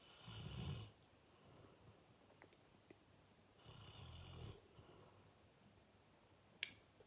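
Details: Fully grown male Fox Red Labrador snoring loudly in sleep, often waking himself: low rattling snores on two breaths about three seconds apart in a quiet room.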